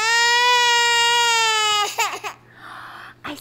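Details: Infant girl crying, with teeth mentioned by the caregiver, shortly after breakfast: a sustained, steady tonal cry, then brief broken sobs, with quiet room noise; ordinary infant crying.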